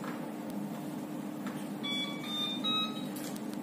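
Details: Neonatal CPAP machine in the NICU, being set up and demonstrated: a short run of high-pitched electronic beeps over room hum; CPAP machine alarm.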